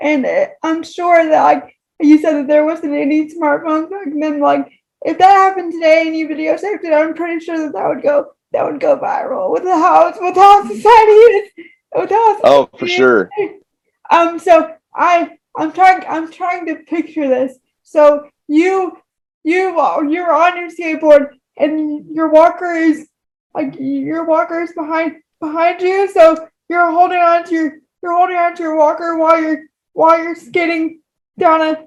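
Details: Woman with moderate to severe cerebral palsy affecting all four limbs and, by her account, her talking; frequent repetitions; dysarthria (cerebral palsy).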